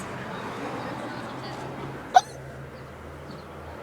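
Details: A single short, sharp hiccup over steady room noise, from a girl who attributes her hiccups to a growth spurt: hiccups.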